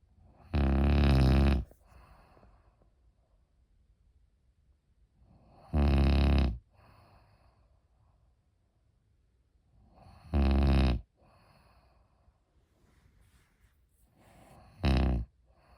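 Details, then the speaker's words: Loud, deep rattling snores on each breath in, about 13 a minute, with quiet pauses between, from a sleeping man (about 80 dB); ordinary heavy snoring. "I know you're snoring. Oh, I can't hear it. I'm sleeping."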